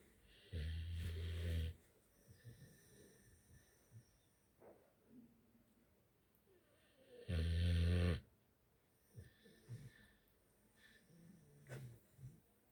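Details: Pit bull dog sleeping: two loud, deep, rattling snores about six seconds apart with soft snuffling breaths between; loud snoring.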